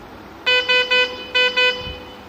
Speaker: Now it is giving me an alarm that the syringe is not present because it is unable to detect the syringe from your hair. So this is used for silencing the alarm.